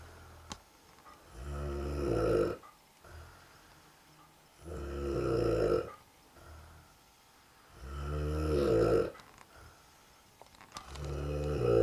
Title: Dad snoring